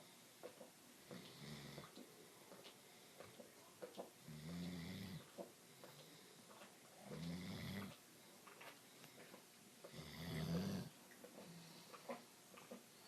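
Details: Heavy 120-pound Doberman deeply asleep, giving deep, rattling snores in slow, somewhat irregular cycles of about 20 a minute in a quiet room: snoring.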